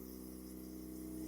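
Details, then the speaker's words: Portable suction pump (type 7E G1) leak test: the suction tubing tip is closed off by finger so the vacuum rises to the set level if there is no leak; a steady low motor hum slowly rising slightly in loudness. "Apabila tidak terjadi kebocoran, maka vakum ini dia akan naik ke posisi yang diatur."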